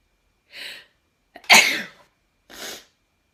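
A soft hiss, then a sharp, forceful burst of air and a fainter trailing hiss. A synthesized sneeze.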